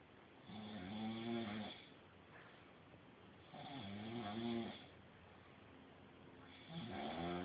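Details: Three rumbling, fluttering snores on the in-breath, about 20 breaths a minute, with quiet pauses between: snoring.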